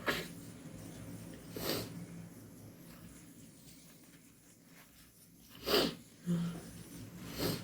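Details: Several sharp, wet induced/hay fever sneeze bursts with a nasal snort between them, in a quiet room; sneezing.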